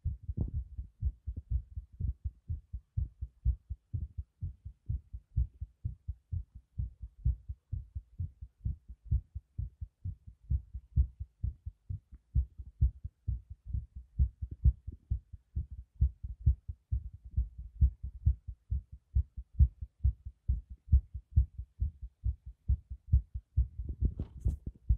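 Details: Steady, regular, low thumping heartbeat with paired beats, clear and undisturbed throughout.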